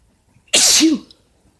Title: Bf sneezes allergies or cold? (M)